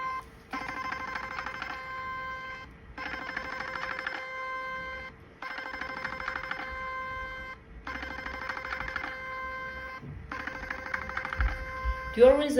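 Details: Five repeated electronic buzzing tones, each about two seconds with short gaps, as a portable 7D HIFU handpiece fires a 4.5 mm cartridge (face, neck, jawline) over cooling gel, working from lower face upward: HIFU machine firing tones.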